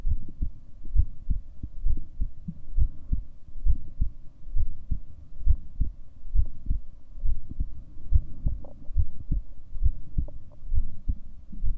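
Steady low thumping beats at about 67 per minute over a faint hum; an ordinary heartbeat.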